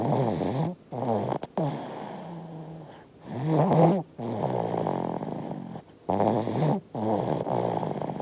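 Soft rhythmic snoring from a sleeping baby, with rattly breaths separated by brief pauses in a quiet room; infant snoring.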